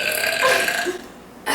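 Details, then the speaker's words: Girl in a family burping contest: a single loud, drawn-out voiced burp lasting about a second; belching. "okay so here we are in the lot household and we're having a burping contest I can't even burp like this"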